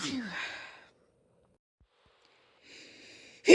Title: Complation of Sneezes